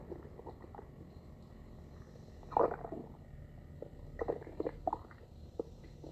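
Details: Stomach growling (borborygmi).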